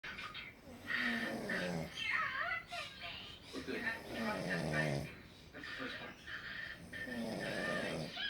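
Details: Sleeping dog, described as snoring: irregular snorting snores mixed with groaning, whistly breath noises, roughly 22 a minute.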